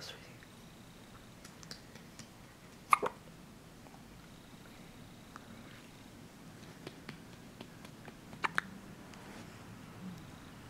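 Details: A baby's soft hiccups, filmed at home around burping and a dirty diaper: faint, short, sharp clicks recur at irregular intervals over quiet room noise.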